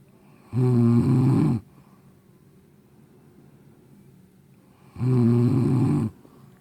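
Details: Snoring keeping another person awake, likened to a train: two loud, low, rattling snores about four seconds apart, quiet in between.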